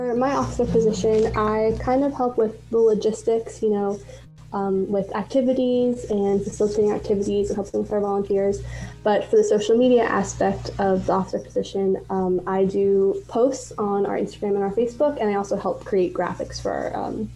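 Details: Young adult woman speaking, soft background music; ordinary fluent speech.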